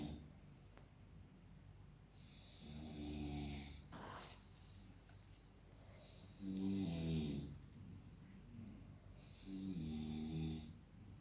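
Low, rumbling snores on the breaths in, about 18 breaths a minute, over a quiet room hiss.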